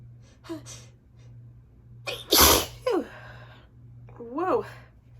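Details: Allergy sneeze, possibly set off after sleeping beside an open window during the season: a single loud, sharp sneeze with a quick intake of breath before it, between bits of speech.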